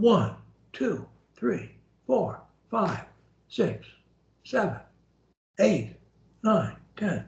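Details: Adult male; fluent speech.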